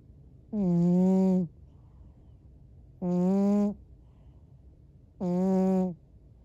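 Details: Elderly sleeping cat snoring while apparently dreaming, face twitching in REM sleep: steady, tonal, droning snores about one every two seconds, almost human-sounding, over a quiet background.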